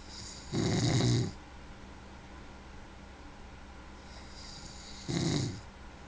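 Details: A man snoring: two loud, low, rattling snores about four and a half seconds apart over steady room hum; typical snoring on inhalation.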